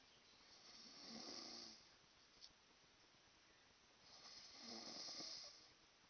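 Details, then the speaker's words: Male friend snoring during sleep, described by the recorder as the worst snoring ever heard and keeping them awake; two breathy, hissing snores about four seconds apart with quiet between; snoring. "Do you hear that? That's him snoring. I can't go to sleep unless this guy, like, I can't sleep unless this guy is, like, in another house."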